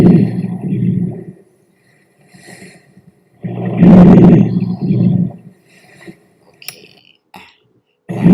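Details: Normal breath sounds.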